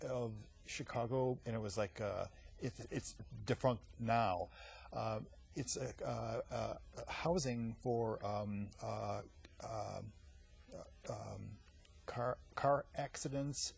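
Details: Adult man with aphasia after a massive stroke 15 years earlier at age 39, followed by eight years of speech therapy at a clinic; non-fluent aphasia.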